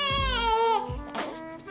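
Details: Infant girl at the end of her first chiropractic adjustment: a brief, loud cry with a high, clear wailing voice falling in pitch, then a short second cry.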